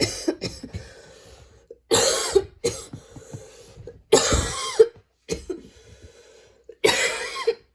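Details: Persistent cough while studying: repeated loud cough bursts in clusters with throat clearing and quiet breaths between.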